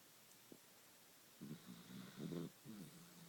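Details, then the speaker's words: Dachshund sleeping soundly after eating two Boston cream pie cupcakes off the table the day before: soft snuffling, snorting breath sounds, light snoring. "she seems to be sleeping soundly we didn't have to take her to the bed so there's there's nora snoring away"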